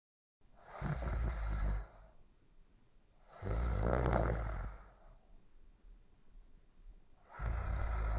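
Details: Sleeping snorer: loud, rough, rattling snores on each inspiration, about three in eight seconds, with quieter breathing between; snoring.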